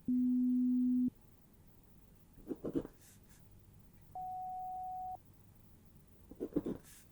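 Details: Two steady one-second beeps, one low-pitched and one higher, with soft rustling between them: simulated pure-tone audiometry beeps in ASMR role-play, where the listener raises a hand on hearing a tone.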